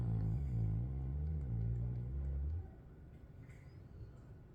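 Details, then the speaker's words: A sleeping Golden Retriever, tired after barking at the meadow all day, gives one long, deep, rumbling snore that fades into quiet breathing. "Honor is snoring very well here, folks."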